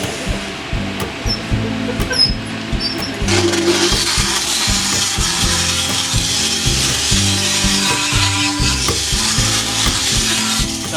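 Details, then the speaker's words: Diamond power float grinding down a horse's teeth during an equine dental float: rough, rasping grinding with a pulsing motor whine, with faint music behind. "So these are diamond power tools. So this is what we grind the teeth down with."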